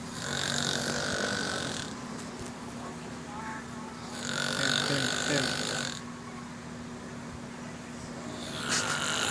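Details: A sleeping person makes regular, harsh, rasping snores on each breath, about 14 a minute, with steady background noise: snoring.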